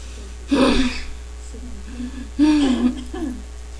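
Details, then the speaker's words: Adult with a nasty cough, "coughing my lungs out": two harsh, voiced coughs a couple of seconds apart with faint vocal sounds between, in a quiet room; a cough. "yeah right just coughing my lungs out here so I just try some lemon juice to get rid of that cough hopefully it doesn't come back"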